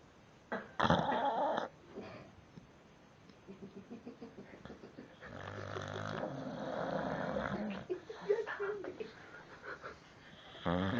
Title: Funny devil eyes dog snoring